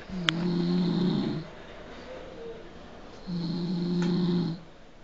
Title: My Roommate Snoring out loud